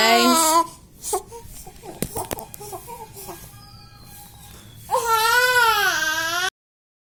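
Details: Infant crying loudly, breaking off into short fussy sounds amid room noise and a faint tone, then crying again.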